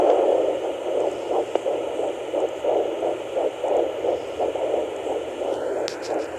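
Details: Fetal heartbeat on Doppler at 10.3 weeks of pregnancy: rapid, regular whooshing pulses, roughly 165 to 175 beats a minute.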